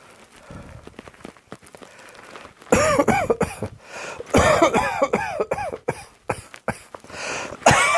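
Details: A run of loud, harsh, partly voiced adult coughs after a few quiet seconds of background shuffling; a cough.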